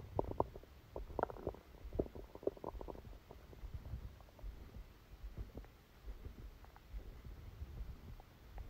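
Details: Bowel sounds during a stomachache after Christmas dinner, recorded while sleeping: soft gurgles and bubbling rumbles from the belly, busier at first then quieter; active bowel sounds.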